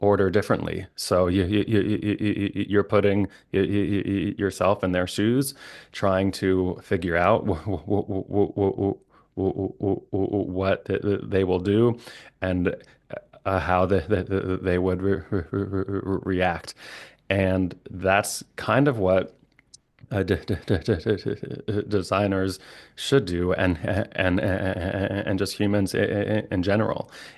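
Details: Adult who stutters, a licensed speech-language pathologist; stuttering with repetitions of sounds, syllables and words and blocks.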